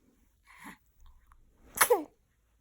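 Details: Cartoon character Princess Sofia, after eating, sneezes and hiccups: a short soft intake followed by a small, high-pitched sneeze; simulated animated sneezing.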